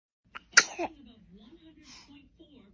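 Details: A baby gives one quick sneeze with a tiny catch just before, then soft cooing and smiling.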